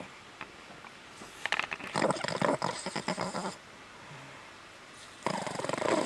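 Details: Boston Terrier sleeping with one eye open, snoring with rough, fluttering snorts and rattly breaths broken by pauses, until another Boston Terrier interrupts him.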